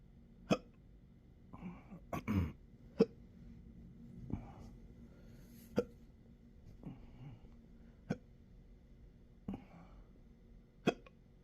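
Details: Intractable hiccups with belching, choking spasms and developing achalasia since December 2015, now 12-hour episodes seven days a week: sharp abrupt hiccups every two to three seconds, some with small burp-like or gulping noises between.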